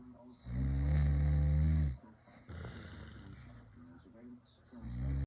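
A loud, deep, rattling snore on the in-breath, then quieter breathing, and the next snore starting at the end.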